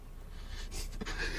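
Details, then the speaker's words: A single sneeze from an adult: a brief indrawn breath, then a sharp, noisy burst of air that expelled a glob of mucus onto the arm, with room noise behind it. "that sound like a big one that sound like a big one bro I just straight myse arm it just a h glob of mucus"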